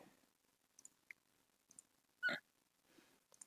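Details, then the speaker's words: Adult having hiccups while talking through a computer setup: a single abrupt, sharp hiccup amid quiet room noise and faint clicks. "Have hiccups today. So if you hear these noises, it's me having hiccups."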